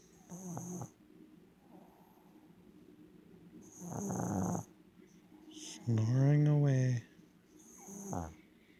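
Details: Sleeping dog snoring: irregular rumbling and snorting breaths, with a longer vibrating snore partway through.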